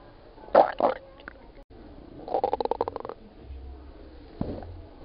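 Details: Gurgling rumbles with a rapid bubbling run of pops; ordinary stomach growling (borborygmi) from gas and fluid moving through the gut.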